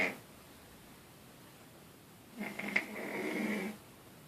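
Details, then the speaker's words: Snoring in sleep: one harsh, rattling inhaled snore after a quiet stretch. "show you guys a snore."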